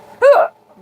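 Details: Hiccup in a person with bad hiccups, the first all year, reportedly after drinking soup broth and tea too fast: a single sudden, voiced hiccup with a sharp gulping onset, then quiet.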